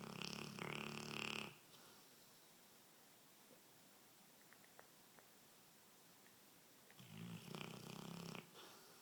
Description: How can anyone sleep with Nero our Cane Corso.